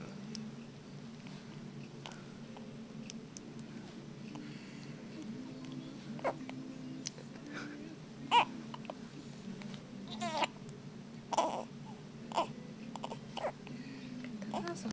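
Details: Infant gives short, sharp hiccups about every second over a steady room hum: hiccups.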